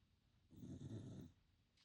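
One soft, low rumbling breath sound of a sleeping puppy; gentle snoring.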